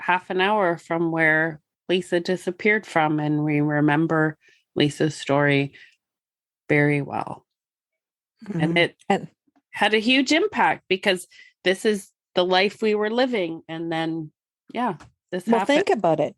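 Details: Adult woman speaking; ordinary speech.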